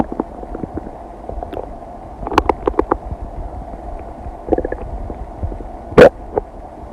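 Irregular gurgles and rumbles of a digesting stomach, with one louder squelch near the end; ordinary bowel sounds.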